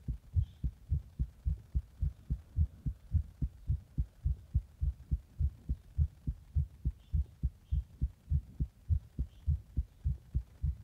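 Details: Heart after drinking a Monster energy drink in the bath and chest compression: fast, steady, strong heartbeat at about 105 beats a minute, rapid heartbeat.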